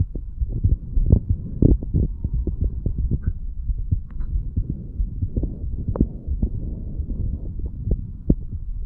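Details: 35-year-old male, standing, self-recorded over the mitral, tricuspid, pulmonary and aortic areas and the right ventricle area. Steady low thumping of about 90 per minute with a constant background hum. Normal heart sounds.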